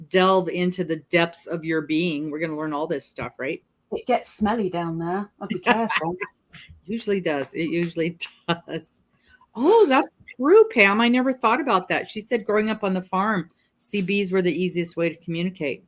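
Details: Adult women in conversation; ordinary conversational speech.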